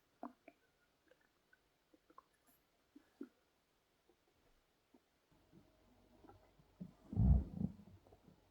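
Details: Adult male's stomach growls (borborygmi): soft clicks and gurgles from the belly, then a louder low rumbling growl near the end.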